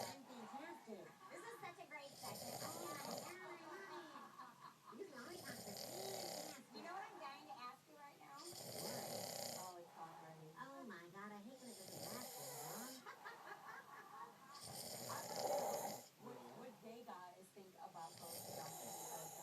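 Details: Man snoring at night, said to keep his partner awake: rough, rattling snores about every three seconds, with a child talking in the background.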